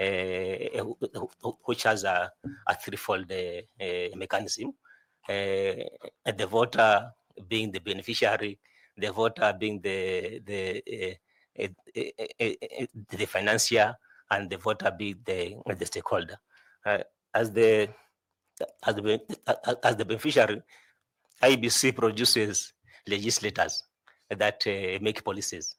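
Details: 41-year-old man who says he stammers a lot, with repeated words; stuttering.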